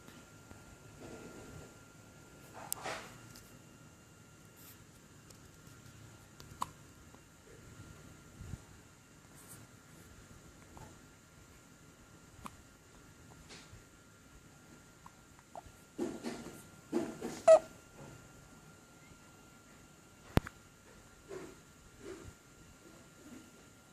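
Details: An infant gives soft, brief hiccup sounds at irregular intervals in a quiet room.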